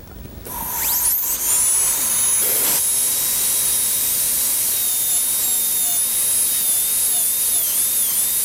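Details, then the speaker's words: High-speed handpiece with small torpedo-shaped diamond reducing about 0.5 mm of lingual enamel for a 3-unit anterior bridge preparation: loud steady high-pitched whine rising to full speed. "it's a small torpedo shaped diamond that is used for reducing the lingual surface and I carefully roll in this along the lingual surface about a half a millimeter of this lingual anillo can be removed"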